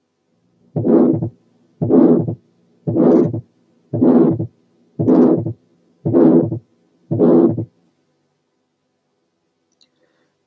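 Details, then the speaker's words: Mild pulmonary stenosis, regular heartbeat near 57 a minute: a short harsh ejection systolic murmur that ends before the second sound, with the pulmonary component of the second sound well heard. "نرجع نسمع تاني حاله مايل بالمونري ستينوزس مديه ايجكشن سيستوليك مرمر، ولاحظوا ان المرمر بتخلص قبل السكند ساوند المسافه، والبالمونري كومبوننت اوف ذا سكند ساوند مسموعه كويس."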